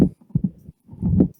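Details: Patient with severe mitral stenosis and atrial fibrillation: low heart thumps followed by a low rumbling diastolic murmur, with loss of the presystolic accentuation of the murmur; mitral stenosis murmur.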